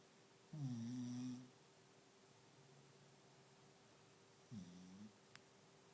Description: Golda the little doggie is trying to sleep and snores